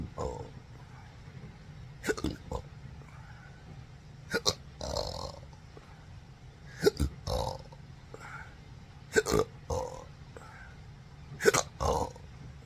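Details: Repeated short gulping burps in clusters, about five bouts over twelve seconds, in a patient with daily intractable hiccups and burping since December 2015 after surgery with multiple nerve damage, including pudendal nerve injection.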